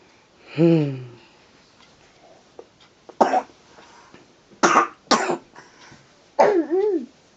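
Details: A dog gives a few harsh, hacking coughs and throat-clearing sounds separated by quiet pauses: coughing.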